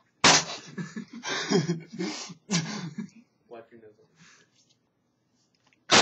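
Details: Loud explosive sneeze followed by a second burst, with quiet vocal sounds between; ordinary sneezing.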